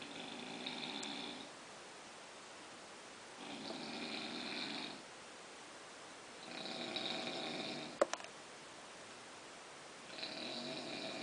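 Soft, regular airy snores every few seconds, about 14 breaths a minute; light nasal snoring.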